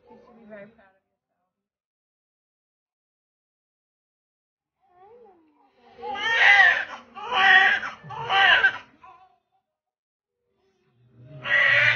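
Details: Newborn at birth giving a run of short, strong, rhythmic wails with quiet gaps; vigorous newborn cry.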